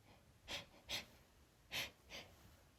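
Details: Woman sniffing pine-scented candles she is sensitive to while trying to hold back sneezes: four soft, breathy bursts, each quickly stifled, in a quiet room; suppressed sneezing.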